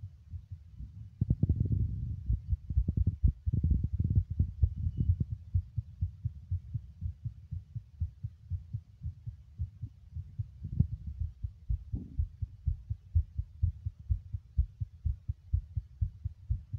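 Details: Man's heartbeat recorded while smoking: steady low thumping, fast at roughly 120 beats a minute, with some handling noise early on.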